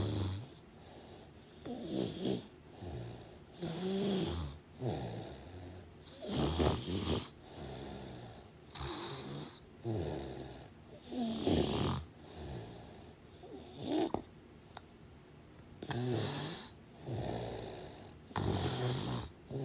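Rapid, irregular run of rough snoring and snorting breaths with brief pauses between: snoring during sleep.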